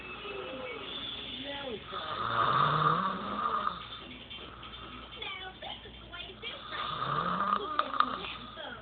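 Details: Daughter asleep, phone recording: loud, harsh snoring breaths rising and falling in pitch, heard twice; snoring.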